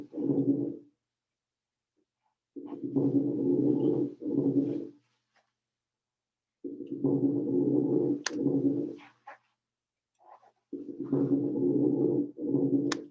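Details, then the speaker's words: Loud, low, bubbling crackles through each breath, deeper and louder than fine crackles, played as a lecture example of coarse crackles typical of CHF or severe pulmonary edema. "this sound is more what you're going to hear when you're dealing with a chf or severe pulmonary edema"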